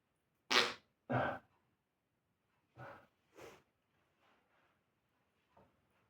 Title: Sneezing And small fart